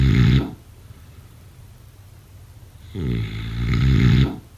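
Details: Two deep, rattling snores during sleep, about three seconds apart, with quiet breathing between them; snoring.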